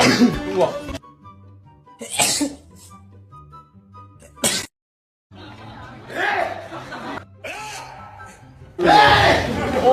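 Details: Several short, sharp sneezes from members of a K-pop group, separated by brief talk and cuts, over light background music.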